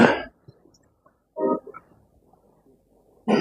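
An adult gives a sharp cough, a short voiced throat clear, then another cough burst, in a quiet room.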